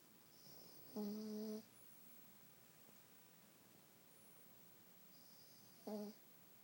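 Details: Small Pekingese dog in deep sleep gives two short, tonal, buzzing breath sounds in a quiet room: snoring.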